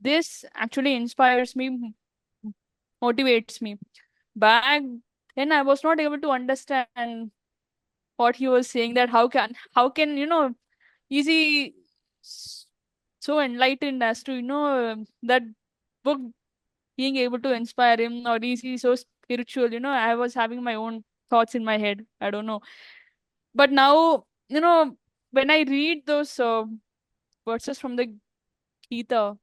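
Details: Adult woman who stammers, speaking in a real podcast interview; stuttering.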